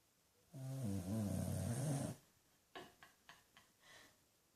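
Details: 13-year-old rescued Shih-Tzu/Pug mix dog asleep with eyes slightly open; a long, low, rattling snore followed by a few short soft snorts and breaths: snoring.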